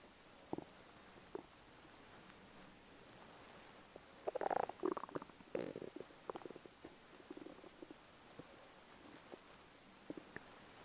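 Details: Irregular gurgles and short bubbling bursts over quiet background noise, stomach rumbling from gas and fluid moving through the gut; the person jokingly wonders about IBS.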